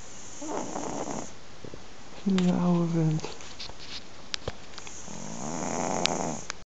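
Soft rasping snore sounds on breathing in and out, with a brief louder voiced, whiny sound in the middle; snoring in a sleeping cat.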